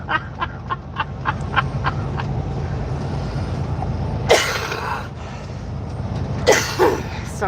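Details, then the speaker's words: Two or three sharp, harsh adult coughs while driving a truck, over low vehicle rumble and a ticking turn signal. "about the coughing guys I'm sure that's cringeworthy to hear that"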